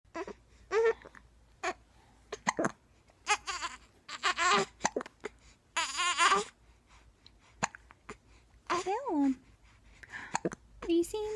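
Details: Baby with hiccups, unhappy: infant fussing and babbling broken by brief, sharp catches of breath; hiccups.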